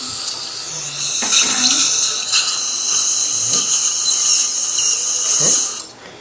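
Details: Surgical handpiece drilling the site for a 5.0 x 10 mm dental implant at tooth #30 in a female dental assistant: a steady high-pitched whine with brief pitch changes.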